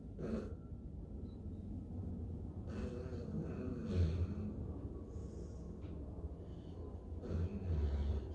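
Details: Chow Chow dog snoring while asleep.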